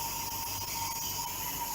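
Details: Steady loud hiss with a faint whistling tone as mist flows from a nebulizer cannula driven by an oxygen concentrator delivering 90–95% oxygen; nebulizer running.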